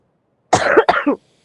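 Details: Two quick, moist coughs from a child in a quiet room while playing a VR game; the child apologises for how he sounds, saying he hasn't taken his medicine; cough.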